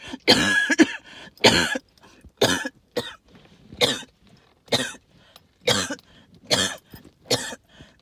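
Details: An adult with hacking cough and wheeze, linked to tree pollen and mold spores: about nine harsh hacking coughs in quick succession, with a faint whistling wheeze in some.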